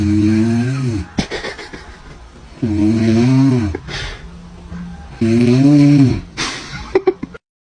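Loud, rhythmic, vibrating snores on each breath in, about three in eight seconds, with quieter breaths out between them: heavy snoring.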